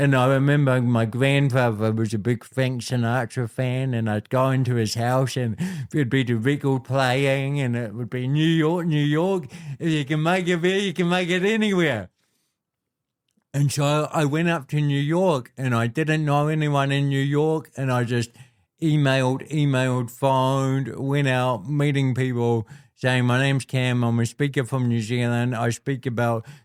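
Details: Adult man born with cerebral palsy, a congenital physical disability affecting how messages travel around his body, with walking and talking named as his biggest challenges; dysarthria (cerebral palsy).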